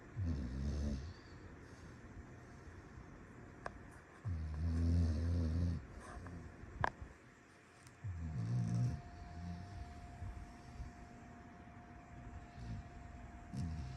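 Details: A sleeping foster rescue dog snores with low, rattling sounds about every four seconds, roughly 15 breaths a minute.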